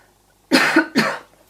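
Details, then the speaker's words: Two loud, dry coughs from an adult talking in a quiet room, who apologises mid-sentence while describing cross-stitch projects: an incidental cough. "Sorry, I need to cough. Oh, excuse me. I might edit that out."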